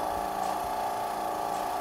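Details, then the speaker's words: Portable suction machine set to 120 mmHg (range 100–150) for nasopharyngeal suctioning in an OSCE nursing skills demonstration. A steady motor drone with a whirring hiss is heard while it runs; the sound changes when the valve is tested. "mine is on 120 now once you switch on so I shouldn't put the finger on the valve at but you can test it see the sound change all right"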